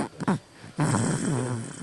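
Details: Loud, rough, rattling snore on an in-breath, with a shorter snort just before it; snoring.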